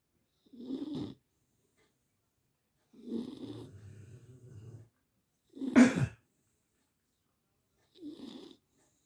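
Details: Sleeping beagle dog: soft snuffling snores, four breaths with a low rumble on some, quiet between them; snoring.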